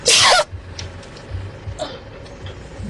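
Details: Sneezing from a Sri Lankan actress: one sharp, explosive sneeze followed by quiet breathing and faint room noise.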